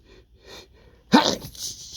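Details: Male with dust allergy sneezing at a dusty workplace, allergies flaring today: a few short nasal snorts build to one forceful, explosive burst of air; an allergic sneeze.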